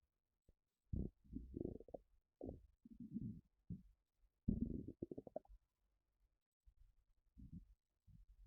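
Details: Low gurgling, bubbling rumbles in irregular bursts with brief quiet gaps, from a person's stomach while sitting down: ordinary bowel sounds (borborygmi).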